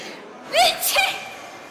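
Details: Staged comedy sketch: a single quick voiced gasp followed by a sharp, explosive burst with a hissy tail, over background noise; sneezing.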